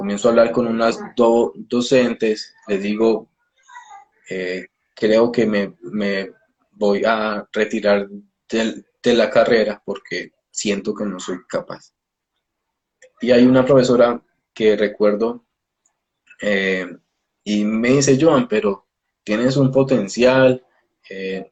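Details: Adult male Spanish-speaking speech-language pathologist who stutters, speaking in a live interview; stuttering.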